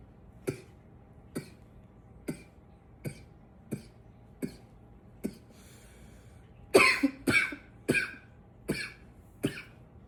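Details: Person coughing a bit: about a dozen short coughs, the first evenly spaced, then a louder cluster with some throat clearing; repeated cough.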